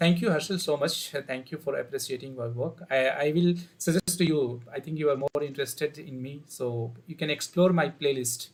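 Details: Male student with a high-pitched, feminine-sounding voice for 5 to 6 years, recorded before therapy on assessment day; puberphonia.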